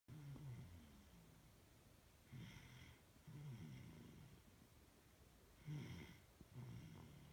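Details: Quiet low rattling sounds with each breath, about 18 breaths a minute, from a male sleeper said to snore like his father; soft snoring.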